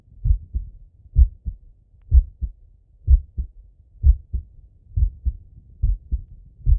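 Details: Clear paired lub-dub male heart sounds, regular at about 62 beats a minute on stethoscope auscultation, with breathing; normal heart sounds.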